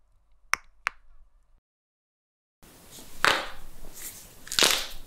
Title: Knuckles Cracking Sounds